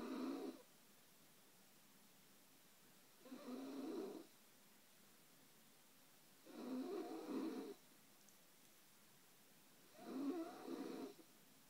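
Four loud rumbling snores on inhalation, evenly spaced at about 17 a minute, with quiet pauses between them.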